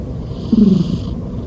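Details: A sleeping cat gives a brief, soft, rumbling snore over steady room noise; cute, harmless snoring.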